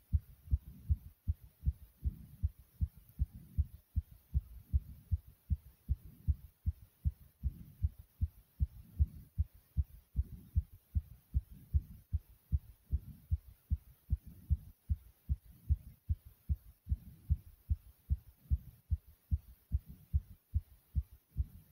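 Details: Fast, regular, strong low heart thumps from an adult right after almost 100 jumps in place; a normal fast rhythm from exercise (sinus tachycardia).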